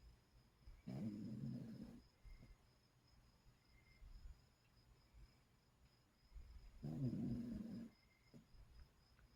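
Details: Sleeping dog: two slow, low rattling snores about six seconds apart, with quiet breathing between; ordinary snoring.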